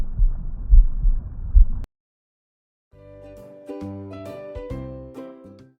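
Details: Brief muffled, rapid whooshing thumps of a fetal heartbeat recorded with a Stemoscope, then silence and gentle music: fetal heartbeat.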